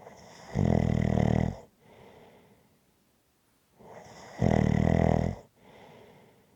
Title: Snoring Sounds to Relax to after a hard day.